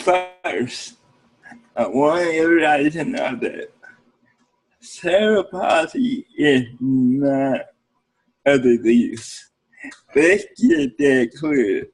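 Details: Adult man with cerebral palsy speaking in an interview; dysarthria (cerebral palsy).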